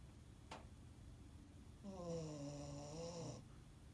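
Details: A single drawn-out, buzzy, slightly whistling breath sound from a pet sleeping at the office, after a brief click in a quiet room: snoring.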